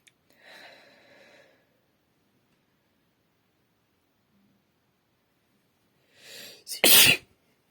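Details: Female sneezing into her hand: a short in-breath and faint sound, then after a pause a rising inhale and a sharp, loud single sneeze.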